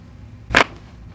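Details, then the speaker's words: Single short sharp crack over quiet background: joint cavitation during a first-day chiropractic neck adjustment of a 39-year-old male podiatrist with neck pain, reversed cervical curve, tinnitus, TMJ pain, headaches and vertigo, whose neck cracks often. "right there you can already hear it going so he he doesn't claim that he's a self adjuster but he says he moves his neck a lot and it cracks a lot"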